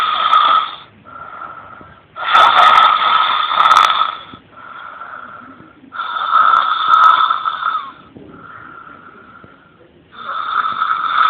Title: My Cute Buddy snores soothingly